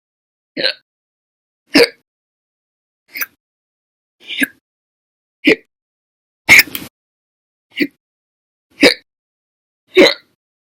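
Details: Nine short, sharp hiccups about one second apart over ten seconds, each a brief catch of breath, with silence between; repeated hiccups.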